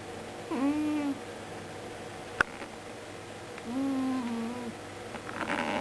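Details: Murphy, who sleeps on the owners' bed at night, snoring extremely loudly: two loud, whistling, tonal snores a few seconds apart during sleep, with quiet breathing between them.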